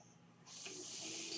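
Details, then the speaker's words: Mechanical ventilator of a podcaster speaking: a brief quiet pause, then a steady, loud high-pitched rush of air as the ventilator delivers a breath. "my name is brynan bard that noise you hear he's my ventilator"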